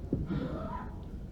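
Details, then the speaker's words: In a pediatrics lecture on upper airway obstruction in children, an adult imitates stridor, a harsh, high-pitched inspiratory noise. "Muy bien, estridor, esa es la palabra. Estridor. Es parecido a quejido, ¿no? El estridor es un sonido característico. Es algo así como."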